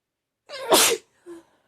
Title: Sneezing attack lol